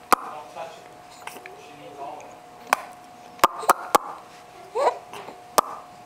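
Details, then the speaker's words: A small child giggling while he hiccups, recorded January 2009: sharp, sudden hiccups, about seven in six seconds, broken by giggles; hiccups. "He's got the hiccups. Has he got the hiccups and he's trying to laugh?"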